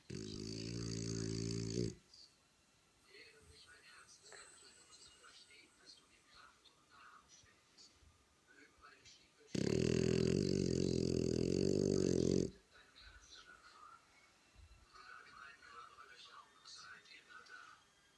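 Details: Sleeping dog: two loud, buzzing, rattly snores about eight seconds apart with quiet room noise between; snoring.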